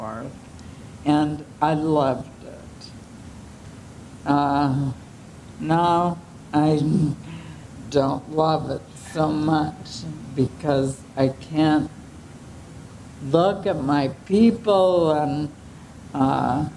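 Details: 75-year-old woman with ALS who has slow speech, voice changes and swallowing difficulty; dysarthria (ALS).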